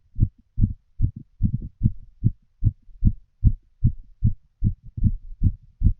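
Clear, regular low lub-dub heart sounds, fast at about 75 beats a minute counted by pairs; no obvious extra noise between beats.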